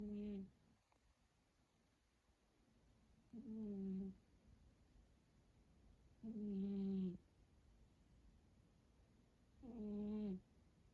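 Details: Four soft, tonal, rasping snores at about 19 a minute from a sleeping cat; ordinary snoring.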